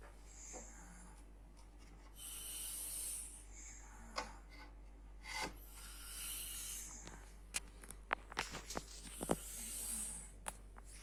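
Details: Person asleep: rough, hissy snoring breaths recur about every four seconds, roughly 15 a minute, over room noise with scattered clicks; snoring.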